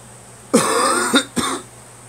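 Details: Two to three harsh, rattly cough bursts with a throat-clearing quality from someone bringing up phlegm, consistent with a wet, productive cough.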